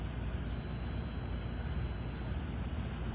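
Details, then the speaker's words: Kangaroo Joey enteral feeding pump powered off by holding the power button: a single steady high beep lasting about two seconds over low background rumble; power-off tone. "okay so that's the basics of the kangaroo Joey Okay and like I said the cool thing about this is if I hold the power button"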